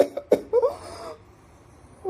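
A few short, sharp coughs, then a longer voiced cough trailing off into quiet; a plain adult cough.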